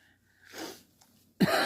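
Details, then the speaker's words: Adult woman with a cold, sniffles and sinus congestion (one side dripping, one plugged), who had warned she might sneeze: a soft indrawn breath, brief pause, then the explosive start of a cut-off sneeze. "and I'm going to apologize now for any sneezing or sniffling or coughing that I might do like in a second sorry kind of catches especially if I talk too much"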